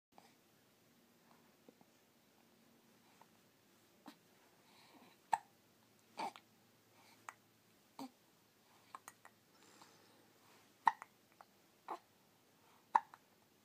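Sharp, brief, quiet hiccup sounds recurring at irregular intervals, about a dozen over the span in a quiet room; hiccups.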